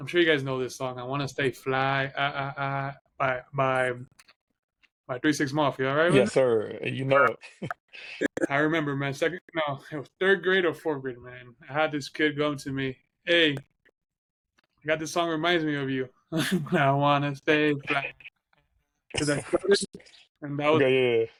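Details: Adult man who has stuttered since childhood; stuttering.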